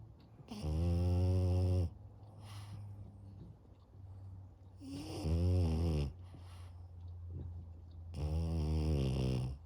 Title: French Bulldog Puppy Snoring Very Loud on Afternoon Nap